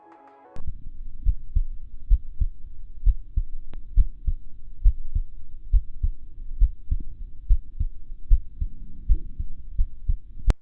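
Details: Steady paired lub-dub heart sounds at about 68 beats a minute, recorded through a digital stethoscope with a denoise feature.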